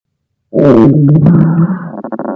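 A loud, low, drawn-out rumbling growl that ends in gurgling pulses; stomach growling.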